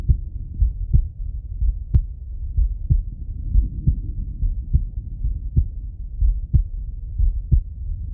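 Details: Adult male heart heard through a stethoscope: steady low thumping heartbeat at roughly 60 beats per minute, with a soft rumbling hum underneath; heart sounds.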